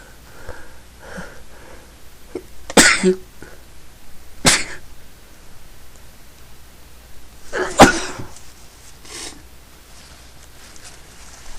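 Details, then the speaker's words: Repeated sneezing: three forceful sneezes with sharp explosive bursts, separated by quiet breathing and sniffing, as the person says they can't stop sneezing. "like I have to sneeze. It's coming. Chew. No, sneeze again. Yeah. I can't stop."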